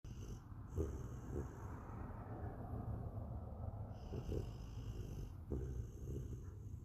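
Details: Puppy sleeping at night after a day of playing without naps; snoring.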